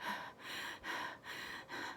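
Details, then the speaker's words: Adult with COVID, from day two of illness, demonstrating shortness of breath: rapid, shallow, effortful breaths with loud rushing airflow, imitating labored breathing. "I was going, "Oh my gosh, I'm getting shortness of breath."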